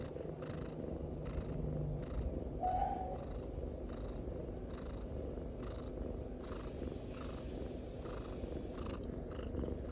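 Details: Sleeping cat snoring: a steady low rumble with soft, rhythmic hissy breath sounds.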